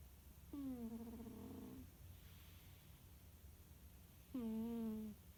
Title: Annie the tabby cat snoring and dreaming